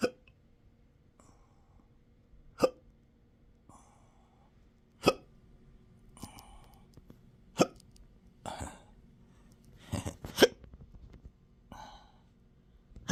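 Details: Adult with rare intractable hiccups since 2015, with belching, choking spasms and developing achalasia, in 12-hour episodes: repeated sharp irregular hiccups about eleven a minute with small catches and throaty sounds between; intractable hiccups.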